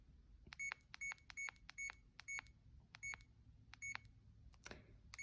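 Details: About nine short, high electronic beeps at uneven intervals with faint room noise: keypad presses while a CADD pump in PCA mode for home hospitalisation is programmed with a new-patient protocol; infusion pump keypad beeps.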